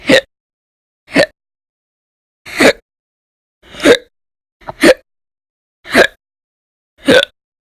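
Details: Audio-only recording from January 2020 of violent, loud hiccups in a person whose bouts lasted many hours a day: sharp, abrupt gulps about once a second, seven in under eight seconds, silence between. Persistent hiccups.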